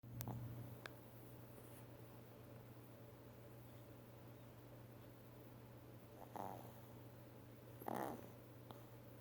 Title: The snoring dog❤❤❤❤